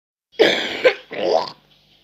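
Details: Cough from a 9-year-old child, recorded while gaming.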